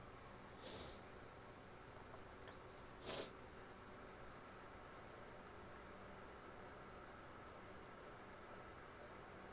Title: sneezes and nose blows (f)